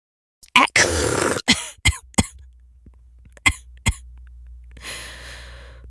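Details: Simulated coughing acted by a female voice actor: one long, harsh cough, then several short, sharp coughs and a breathy sigh, after a scripted line about drinking a potion that is still fizzing in her throat.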